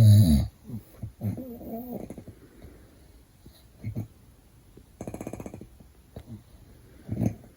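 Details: Father snoring while baby sleeps: a few short, low, rattling snores separated by quiet breathing, in a quiet room; ordinary snoring.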